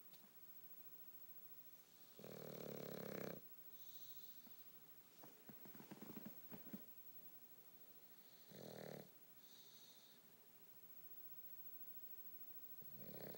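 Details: Victorian bulldog napping after a bath, worn out: irregular snuffly snores with small clicks and whistly exhales in a quiet room; snoring.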